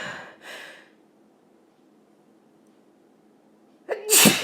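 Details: Female, two big sneezes: the tail of one sneeze, a few seconds of quiet, then a second loud, forceful sneeze; two sneezes.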